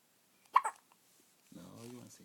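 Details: Hiccups in a 4-day-old baby boy, his first: a single sharp, brief catch of breath followed by a short infant vocal sound, one of a run of hiccups.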